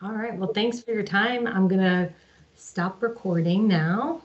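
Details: Adult speaker; normal speech.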